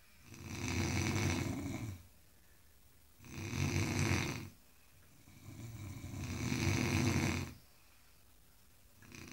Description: Three Engineers are taking nap after a very tiresome day and snoring at the best.....